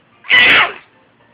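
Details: After trying to sneeze, a single loud explosive sneeze, sudden at onset and fading quickly; sneezing.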